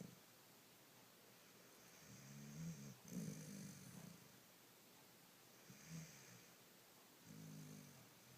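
Soft, low rumbling snores come in irregular bursts during sleep, some with a brief snort. Ordinary snoring.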